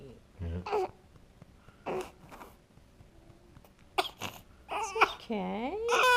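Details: Male infant fussing while being burped: short fussing cries build into a longer wail with quiet pauses between; an ordinary infant cry.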